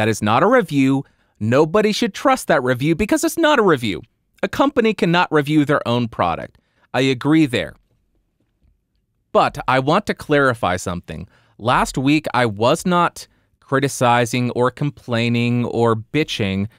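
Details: Adult male speaker; typical speech.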